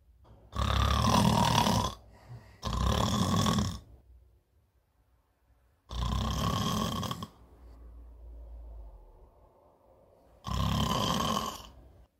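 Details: Adult woman snoring heavily in bed, from a staged comedy sketch that is likely acted: four loud, harsh snoring bursts with quieter breathing between; snoring.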